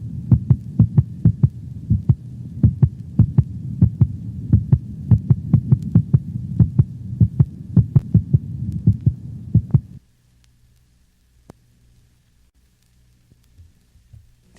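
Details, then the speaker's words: Normal dog, likely standing, recorded over the mitral valve location (left fifth intercostal space at sternal border): normal heart sounds, first sound lower in frequency than the second. "note the lower frequency of the first heart sound as compared with the second heart sound now listen to the sounds of another normal dog recorded over the mitral valve location"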